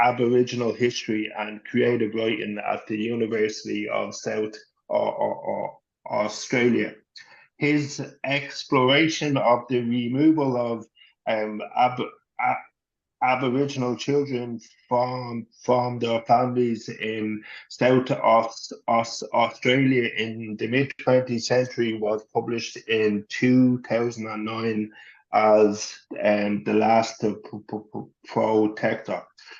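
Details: Adult man who has stuttered since he could talk, was covert for much of his life, had speech therapy from age 11, now appears largely fluent, with past anxiety disorder and panic attacks; stuttering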